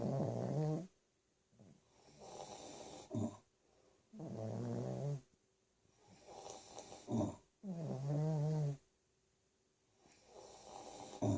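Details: Snorty, rattling snores mixed with softer breathy snores from two sleepers, a Pekingese dog and an adult husband, in a quiet room; snoring.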